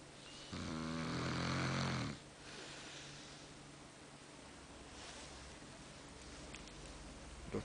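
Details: Snoring of a woman asleep: a single loud, rattling snore on the in-breath, then quiet breathing in a small room.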